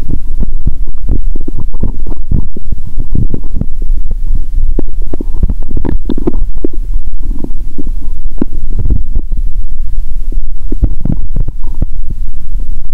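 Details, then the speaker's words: Loud, noisy bowel sounds through a stethoscope on the abdomen: continuous low rumbling and gurgling with frequent bubbling pops, after fasting over 15 hours and then drinking cola with Mentos; active bowel sounds. ""I think the current sound is noisy when I hear it with a stethoscope." "I hear a lot of loud noises 😂"."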